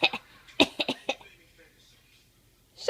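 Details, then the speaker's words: A young child gives several short, light, forced coughs in quick bursts, a deliberate fake cough imitating a parent's coughing. "Tell Daddy why you mad. Show him you were fake coughing."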